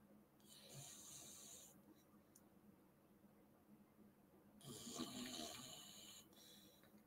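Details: Snoring: two rough, hissing snore breaths about four seconds apart over faint room hum.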